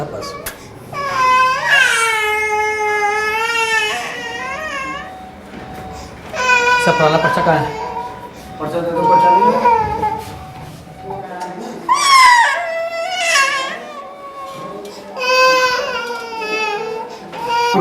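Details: Young boy crying loudly in repeated wailing bursts while a pediatrician auscultates his chest; the child has fever and a blood transfusion is being advised.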